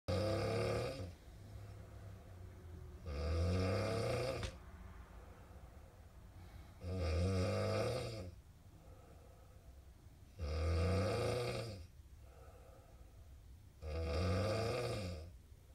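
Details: Extreme snoring from a sleeping roommate: loud, regular rattling snores on each in-breath, about 17 a minute, with quiet gaps between; heavy sleep snoring that keeps another person awake.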